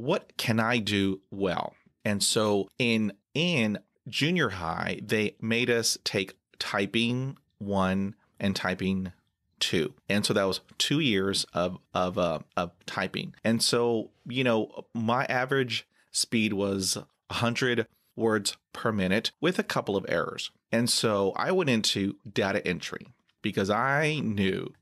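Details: Adult man who has stuttered for 43 years; he has blocks and says he has trouble with all letters; stuttering.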